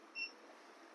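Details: A single short high beep over quiet room noise: the touch-control beep of the timer button on an Evox 5S 5 LPM oxygen concentrator.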